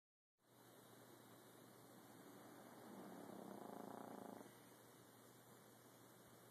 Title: My baby snoring...